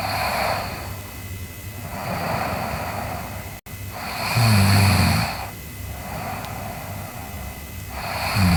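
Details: Sleeping girl snoring: slow cycles of noisy sleep breathing, about seven breaths a minute, with a rough, low vibration on one inspiration.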